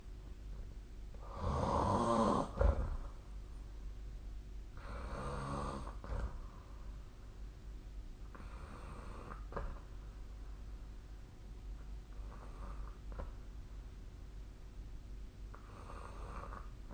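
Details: Sleep snoring recorded 2025/04/08 with the SnoreLab snore-tracking app: rhythmic snores, loud and rattling at first, then softer, about 17 breaths a minute.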